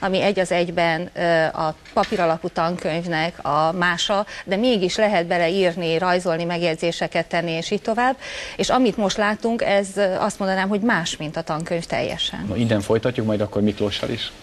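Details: Adult woman speaking Hungarian; normal speech.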